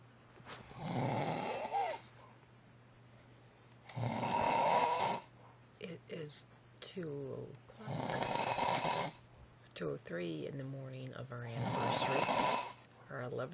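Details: Adult's loud, harsh rattling snoring at about 15 per minute, with quiet voices talking between snores; heavy snoring.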